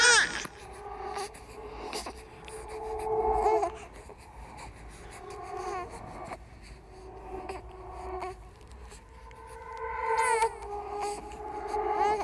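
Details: Simulated ghost baby crying from a horror sound-effect compilation mixed with other creepy sounds: drawn-out, wavering infant crying and whimpers with echo; infant cry.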